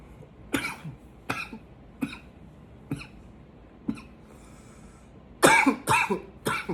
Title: 7 - intense coughs